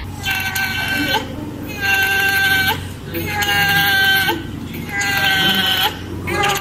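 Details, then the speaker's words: Expiratory grunting in a newborn: repeated strained, whiny cry-like sounds with each breath out, about every 1.5 seconds, like noisy gasping breathing from exhaling against a closed glottis; a sign of respiratory distress. "number two ang granting ung granting Yun po ung maingay na paghinga ni baby or parang umiiyak or parang ah yeah parang umiiyak na hindi mo mawari para siyang naghahabol ng hininga"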